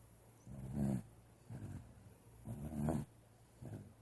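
Low, rough, fluttering snorts recur about once a second, alternating louder and softer, over steady background noise: snoring.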